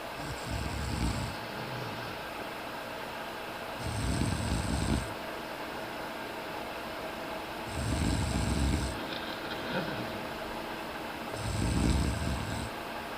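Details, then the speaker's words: Low, rumbling snores about every four seconds, near 15 a minute, from a sleeping female kitty, over steady background hum; snoring. "I think we can catch some interesting sleeping, maybe a little snoring, some dreaming."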